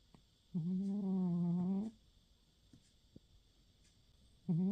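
A sleeping cat gives a drawn-out, humming snore on the breath, then a pause and another begins, with a faint room hiss.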